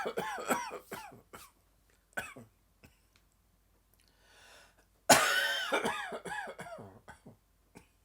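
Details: Dry, tickling coughing fit that came on suddenly this afternoon: rapid runs of short, dry, hacking coughs broken by one audible in-breath, in a quiet room.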